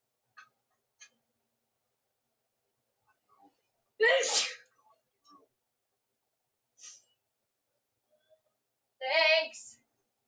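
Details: Two loud sneezes about five seconds apart, preceded by a few soft catches and breaths, in a quiet room; a woman's sneezing fit.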